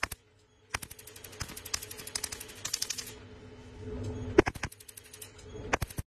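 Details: Cosmetic laser freckle-removal treatment in a clinic: irregular sharp snapping clicks in rapid bursts over a steady low hum; laser device firing.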